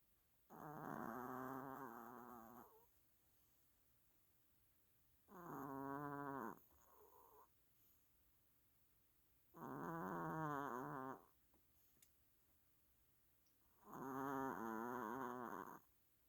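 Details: Sleeping Chihuahua snoring: loud, drawn-out rattling snores, about 13 a minute, with quiet gaps between breaths.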